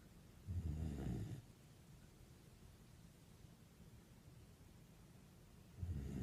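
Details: Sleeping puppy snoring like a human: soft, low, fluttering snores, one about a second long and another starting near the end, with quiet breathing between; snoring.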